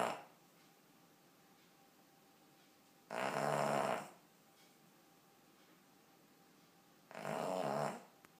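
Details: Ten-year-old Cavalier King Charles spaniel snoring loudly while asleep: two loud rasping snores about four seconds apart, roughly 15 a minute, with silence between.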